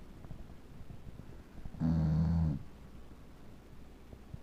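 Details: A male Beagle dog that snores every time he sleeps: a single low, rumbling snore lasting under a second in a quiet room; snoring.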